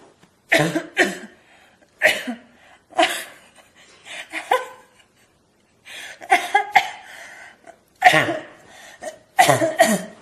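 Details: Adult deliberately imitating a barking cough: a run of harsh, abrupt, barking coughs in short clusters with brief pauses.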